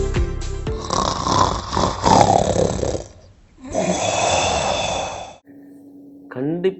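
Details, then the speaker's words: Two long, loud, rattling snores separated by a brief pause, then a short musical sting, played as an example of heavy snoring in an explainer on sleep apnea; snoring. "இந்த கொரட்டை சத்தத்தை கேட்டிருப்பீங்க. Maybe parents R your spouse, ஏன் நீங்களாக கூட இருக்கலாம்."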